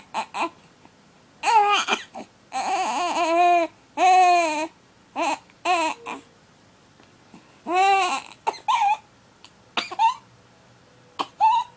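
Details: 6-week-old baby boy with hiccups: fussy infant cry in short wailing bursts with sharp catches and gasps between them.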